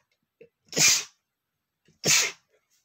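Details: A male sneezing because dust got in his nose: two sharp, explosive sneezes about a second apart, each preceded by a brief inhaled catch.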